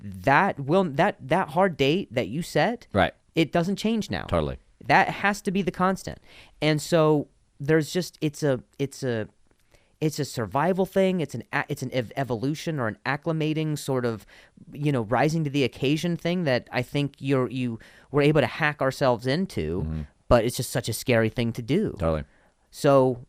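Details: Adult man who stutters and links his stutter to an injury; real conversational speech with repetitions of words and phrases; stuttering.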